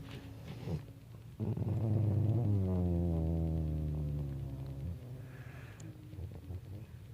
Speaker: Listen to how my dog snores.